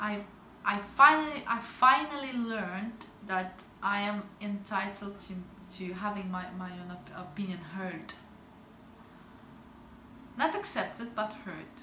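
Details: Stuttering in an adult woman who began stuttering at age 12 and has since gone through a stuttering program, still reporting slight speaking difficulty; word repetitions audible.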